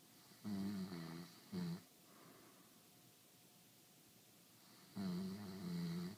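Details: Husband snoring during sleep.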